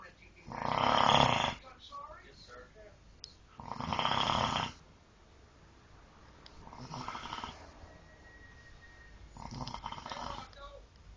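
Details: Loud, rattling snores on each breath, about six breaths a minute, fading toward the end; ordinary snoring.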